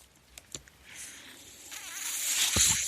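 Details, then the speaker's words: Background noise of a mechanical ventilator used by the man speaking while recording a podcast; mechanical ventilator noise. "That noise you're hearing is my ventilator, and welcome to Page Turners They Were Not, my Star Wars podcast."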